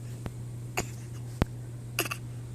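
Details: Young boy asked to show his fake cough makes a few brief, soft, deliberate voluntary cough sounds over a steady background hum.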